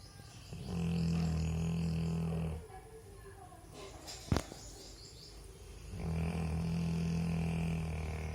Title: Snoring Labrador